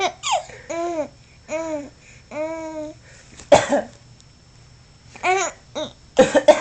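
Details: A few harsh, abrupt adult coughs alternate with an infant's high, bright laughing squeals in a quiet small room; plain cough.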